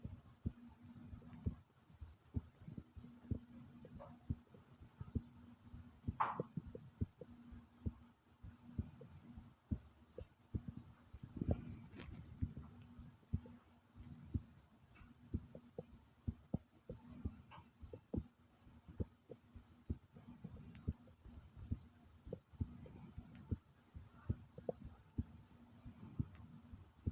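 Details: Loud, fast heartbeat heard as quick, strong, repeated low thumps over a steady low hum, with the stomach growling along with it in a brief gurgle; a rapid heartbeat.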